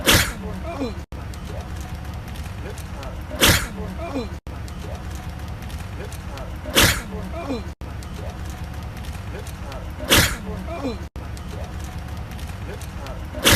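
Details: A person sneezing four times, sharp and explosive, about every three seconds, over steady background hiss with abrupt cuts between them: repeated sneezing.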